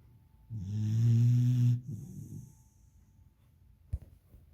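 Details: Beagle puppy in deep sleep: one loud, low, buzzing snore lasting over a second, then a quieter breath out and a brief click; puppy snoring.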